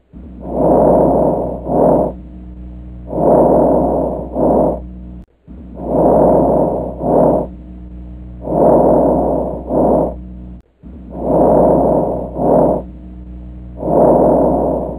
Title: Lung Auscultation Made Easy: Normal Breath Sounds